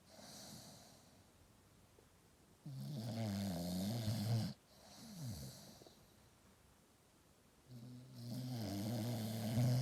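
Two long, low rumbling snores on in-breaths with a softer out-breath between them, from a sleeping dog.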